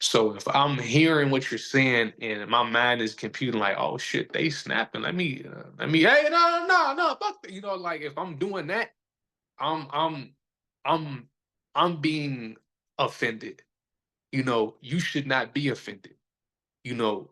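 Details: Adult man who says he stutters and that everybody sees or hears it; stuttering.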